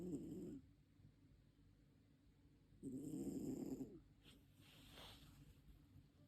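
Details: Cat snoring: two loud, low, rattling breaths about three seconds apart, with quiet pauses between.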